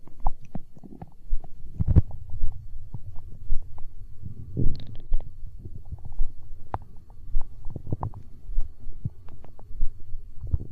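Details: Hunger stomach growl in an ASMR recording: low gurgling and rumbling in irregular bursts, ordinary bowel sounds (borborygmi).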